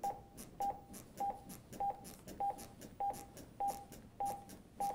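Steady short beeps at about 100 a minute from a training defibrillator, pacing chest compressions during CPR.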